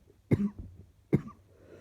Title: Few clips of what I woke up with this morning. Slightly chesty coughing